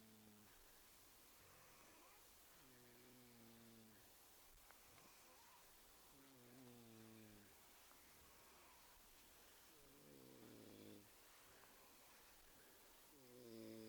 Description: me drunk somone snoring in a camp site